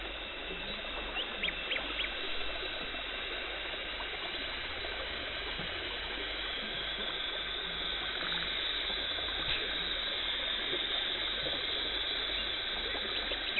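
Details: Dental hygienist's professional teeth cleaning removing tartar and plaque, no talking: continuous hissing water spray and suction with faint high instrument whine and brief squeaks; dental cleaning instruments.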